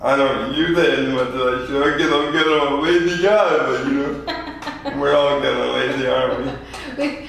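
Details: 24-year-old man with lifelong spastic quadriplegic cerebral palsy from premature birth at 2 lb 4 oz; dysarthria (cerebral palsy).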